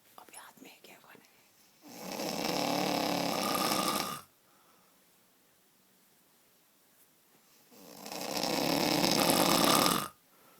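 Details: Snoring: two long, loud, rough breaths of about two seconds each, separated by quiet pauses; heavy snoring.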